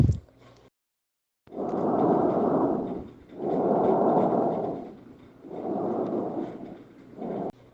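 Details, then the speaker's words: Auscultation teaching example of stridor: loud, harsh, high-pitched, high-intensity inspiratory breaths that may be biphasic, heard mainly over the neck and radiating to the chest, about 30 a minute, from a narrowed upper airway. "es dentro continuos encontramos el estridor que es un tono agudo de alta intensidad de inspiración que puede llegar a ser bifásico localizado en la mayor parte del cuello que irradian el tórax"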